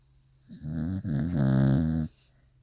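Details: Sleeping, dreaming Corgi gives a single low, rumbling, fluttering snort-like sound lasting about a second and a half: snoring.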